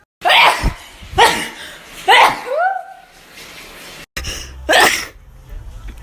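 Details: Four sharp, explosive sneezes in quick succession with a brief vocal sound after the third; a sneezing fit, from a short sneezing compilation.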